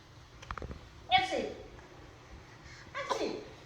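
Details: A child's pretend sneezes: two voiced 'ah-choo' bursts about two seconds apart, with a few quiet sounds before.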